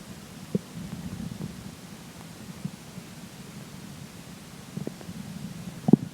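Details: Stomach growling during digestion after pizza for breakfast and McDonald's for lunch: low rumbling gurgles with a few brief pops against a quiet hum; ordinary bowel sounds.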